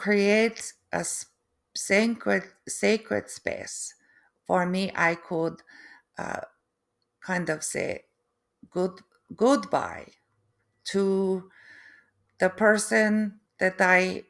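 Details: Adult woman, third-generation Canadian, with post-stroke aphasia and apraxia of speech; foreign accent syndrome began three months after the stroke, which she feels sounds East European; foreign accent syndrome with aphasia and apraxia of speech.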